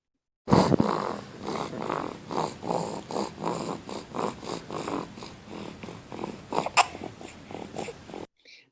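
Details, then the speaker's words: Newborn nasal stertor from nonspecific nasal obstruction, the commonest cause, often viral: rapid, rattling, snore-like snuffling with each breath. "esa obstrucción inespecífica como la podemos llegar a observar en este sonido"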